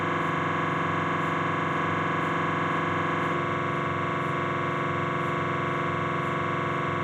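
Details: Loud, rapid, steady buzzing pulses with a droning tone, about 230 a minute, from a Philips 1.5T MRI scanner during a knee examination; MRI scanner noise.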